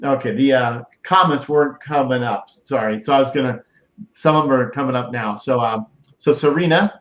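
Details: Adult male speaker; no speech disorder.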